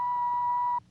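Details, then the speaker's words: TV drama scene of an audiometer hearing test on a viola player with worsening hearing loss, measured at 50 dB loss at 500 Hz, 40 dB at 1000 Hz and 50 dB at 2000 Hz. A single steady pure test tone lasting under a second. "electronic tone of the audio meter probes the depths of the passageway for sound the delicate membranes the vibrating network of tiny bones lace together with ligaments the thickness of a hair"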